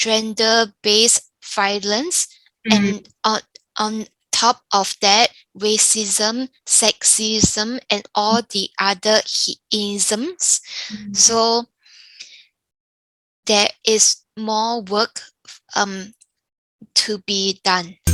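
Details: Younger adult woman with aphasia following a stroke caused by an arteriovenous malformation (AVM), speaking with pauses, fillers and grammatical errors; aphasia.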